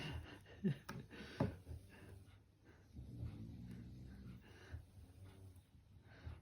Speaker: sorry if you can hear snoring i've got four french bulldogs that won't uh be quiet so yeah